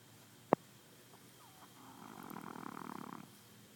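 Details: Pug asleep in grass, a single rattling fluttering breath lasting about a second after a click: snoring.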